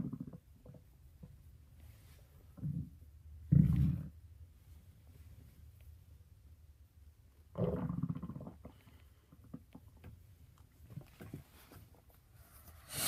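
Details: Stomach growling: low, irregular gurgling rumbles in a few separate bursts against a quiet room.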